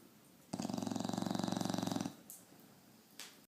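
A single long rattling breath, about 1.5 seconds, with rapid buzzing flutter through it: a dog snoring, with soft room noise around it.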